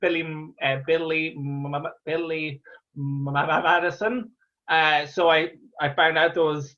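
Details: Real stammer in an adult Irish male stand-up comedian who has stammered through his comedy career since 2010, speaking conversationally; stuttering (stammering).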